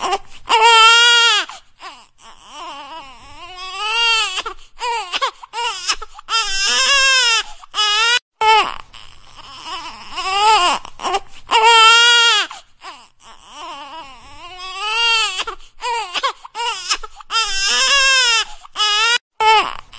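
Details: An infant crying: repeated loud wailing cries with brief pauses for breath between bursts.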